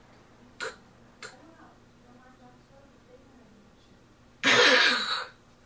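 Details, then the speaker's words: Imitated snoring demonstrating sleep apnea: two short snores, a few seconds' silence (breathing lapse; 10 seconds or more counts as an apnea event), then a loud snorting gasp; snoring with apneic pause. "there's a lapse now if there's a lapse of 10 seconds or more that's called an apnea that's an event"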